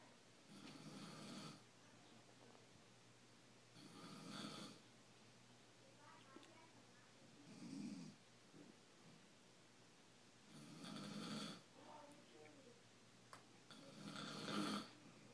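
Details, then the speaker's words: Mother asleep, snoring loudly: loud, rough snores about every three to four seconds, unevenly spaced, with quiet breathing between them. "snoring really loud. I think I'm going to wake her up and scare the crap out of her."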